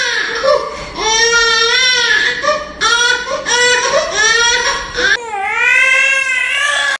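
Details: A baby cries loudly in repeated sustained wails with brief breaths between, in a small room; the neighbour complained about the crying.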